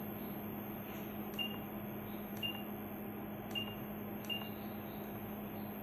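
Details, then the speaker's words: Graseby 2100 (Smiths Medical) syringe pump during setup, selecting syringe type 06 (Nipro): four short, high, identical keypress beeps at irregular intervals over a faint steady hum. "So we have to select 06 for the machine. Now we have to select the syringe 6 on the machine."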